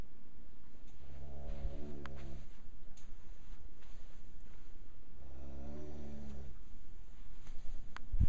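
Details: Snoring: two slow, deep, buzzing rumbles about four seconds apart over faint background hiss.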